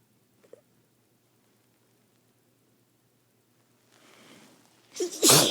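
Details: Person sneezing after holding a flower under the nose: quiet room, a brief sniffing rush of air, then a sudden loud explosive sneeze cut off at the end.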